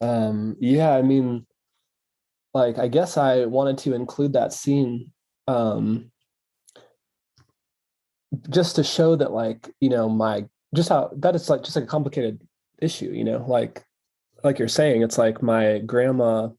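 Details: Adult male who has stuttered since childhood and now stutters openly, real not acted; stuttering.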